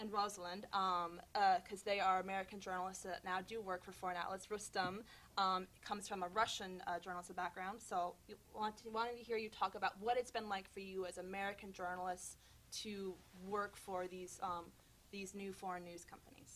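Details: Adult woman speaking; normal voice.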